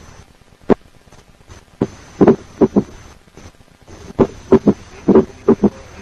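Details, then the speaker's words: Quadruple rhythm with S3 and S4 both occurring together. "S3 and S4 both occur together, a quadruple rhythm will be heard."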